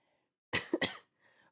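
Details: Adult coughing during a livestream: productive cough.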